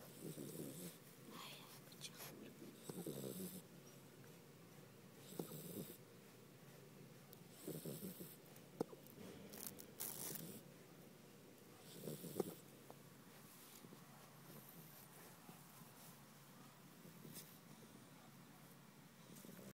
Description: My pitbulls snoring